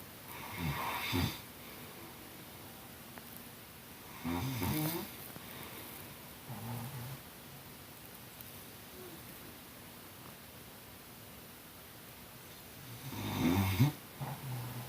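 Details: Snoring in harmony: three low, rough snoring breaths over about fifteen seconds with quiet room noise between; ordinary snoring.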